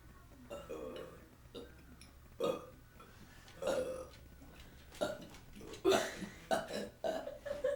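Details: Young voices in a burping contest taking turns: a run of short deliberate burps with quiet room noise between them.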